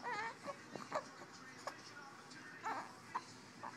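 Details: Infant crying while being burped: soft, fussy whimpering cries in short bursts, with room noise in the background.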